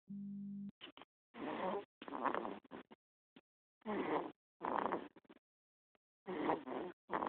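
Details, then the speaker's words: Sleeping baby snoring: after a brief tone, rough snorting breath noises about 24 a minute in uneven bursts. "somebody is just snoring away so cute"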